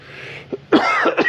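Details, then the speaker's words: An adult building a boat, who says they have had a cough for some time, coughs while working on the plywood deck. "As you can hear, I've got a bit of a cough"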